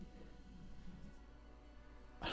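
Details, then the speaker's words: Low, wavering gurgling rumble of a growling stomach (borborygmi), which the person says won't stop, with soft background music. "think my stomach just won't shut up."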